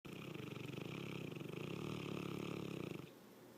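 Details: Loud snoring: one long, rapidly fluttering snore lasting about three seconds, then fading.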